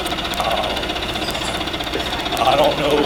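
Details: Steady rapid mechanical pulsing and buzzing from a high-frequency chest wall oscillation vest, set at about 13 Hz, shaking the chest of a person trying it out, with room noise and talking.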